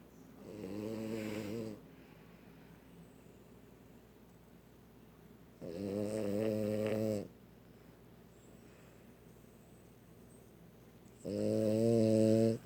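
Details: Dog snoring very loudly in sleep: three loud, droning snores with quiet gaps between, about 11 a minute.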